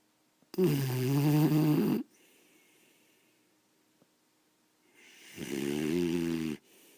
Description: My beagle snores SO LOUD downstairs, it wakes me up in my bedroom with the door closed.